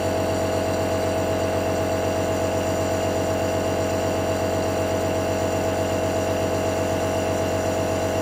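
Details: Nebulizer running: steady mechanical hum with a fast, even buzzing pulse from the compressor, continuous.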